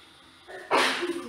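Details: Staged POV scenario: a woman, red-nosed and possibly getting a cold, sneezes in the kitchen while doing dishes, heard from another room with the door open. A short intake of breath, then one sharp, distant burst; a single sneeze.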